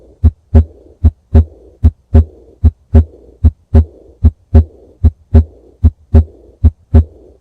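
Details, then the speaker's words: Aortic regurgitation teaching example: regular heartbeat about 75/min with a soft, fading decrescendo blowing diastolic murmur right after S2, described with wide pulse pressure. "next we have the atic regurgitation which is associated with the diastolic decrescendo memor so here we have the S2 and after S2 we have the heart sound so it's a diastolic murmur that is associated with a wide pulse"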